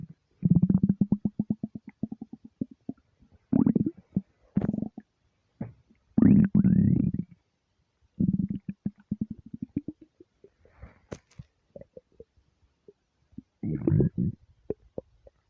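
Repeated deep, drawn-out gurgling rumbles with bubbling pulses and quiet gaps; ordinary stomach rumbling from an empty stomach.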